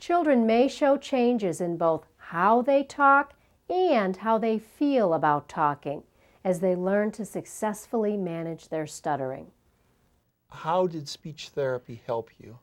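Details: Adult female narrator; normal speech.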